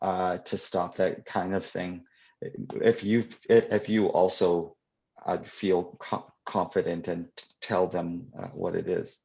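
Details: Adult who stutters, answering a question during a live convention Q&A; real, unscripted speech; stuttering.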